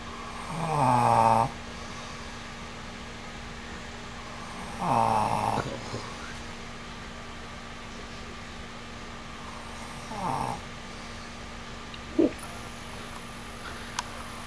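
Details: A sleeping man: rough, rattling snores on the in-breath, about three in fifteen seconds, with a steady hum in the room; ordinary snoring.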